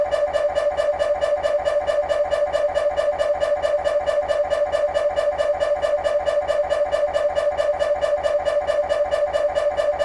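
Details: MRI scanner noise from a GE 3T scanner, temporal bone (Felsenbein) protocol, during an axial diffusion-weighted (DWI) sequence: loud, very regular rapid buzzing knocks, about 136 a minute.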